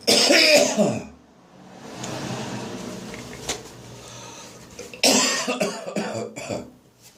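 Harsh dry cough bursts followed by retching gag sounds; dry cough with gagging after bronchitis.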